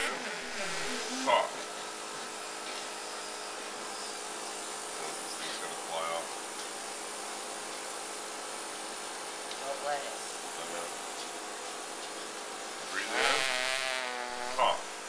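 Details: Steady machine hum with pressure swings and short forced exhalation bursts; mechanical insufflation-exsufflation cough assist clearing the airways of a 23-year-old man with Duchenne muscular dystrophy, prompted to take deep breaths.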